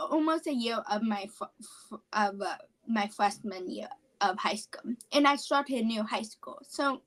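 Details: 17-year-old female high school senior with apraxia of speech, which she describes as a neurological speech disorder.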